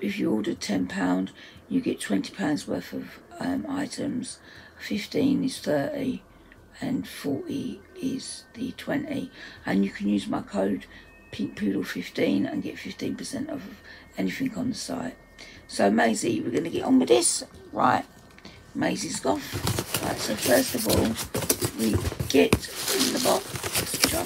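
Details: Adult woman's self-reported voice dysphonia, which she says is playing up; dysphonia.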